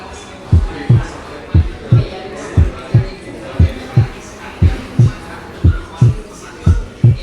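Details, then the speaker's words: Physiological splitting of S2 during inspiration: lower intrathoracic pressure raises venous return to the right heart, prolonging right ventricular systole and delaying the pulmonary component of the second heart sound. "Durante la inspiración, la presión intratorácica disminuye. Esto aumenta el torrente sanguíneo hacia las porciones torácicas de la vena cava y hacia la aurícula derecha."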